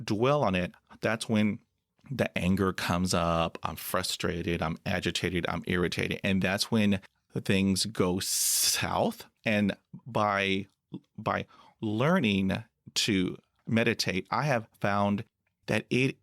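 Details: Adult man who stutters, with blocks he says come with eye closing, hand movements, leg tapping and facial tics: stuttering.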